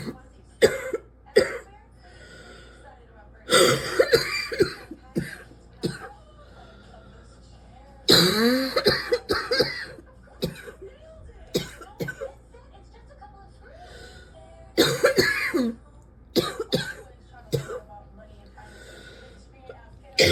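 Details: Persistent coughing fits from an adult sitting and coughing repeatedly: bursts of coughing in clusters with brief pauses.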